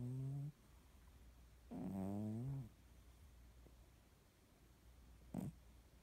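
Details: Cat snoring in sleep for about two hours since midnight; soft, low, rumbling snores with quiet breathing between them over steady background hum.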